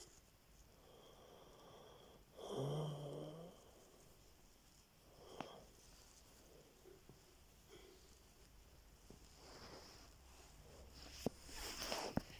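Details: One rough, buzzing snore over quiet room noise, followed by faint soft breathing sounds: snoring.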